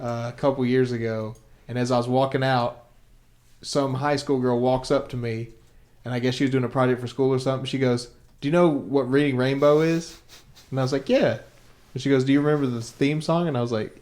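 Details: Adult male speaker; normal speech.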